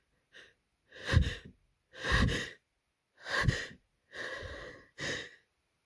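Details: Person with a cold whose sneezes keep getting stuck: several short hitching, catching breaths, then about four sneeze bursts at irregular spacing.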